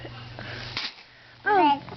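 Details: A baby boy gives a single quick, breathy sneeze followed by a short falling voiced sound; an ordinary infant sneeze.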